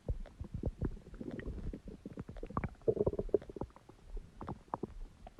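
Irregular low gurgles, rumbles and bubbling squeaks from the belly: ordinary stomach growling from gas and fluid moving through the gut.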